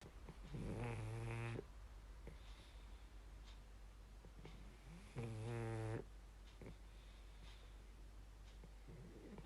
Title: Rupert Eli - snoring pug